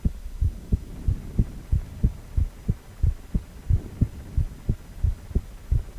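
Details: Regular paired low thumps at about 90 beats a minute from a male heart recorded during cardiac ultrasound, 4-chamber view.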